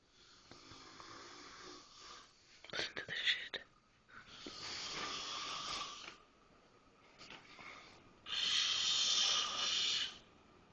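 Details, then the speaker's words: Guest asleep on a couch downstairs, snoring loudly: rough, hissing snores in long bursts with quieter gaps between breaths and a few clicks and snorts. The listener feels it sounds unhealthy, as if he can't breathe. "It sounds dangerous. It sounds like you can't fucking breathe. I don't know what to do. He sounds like a Toyota."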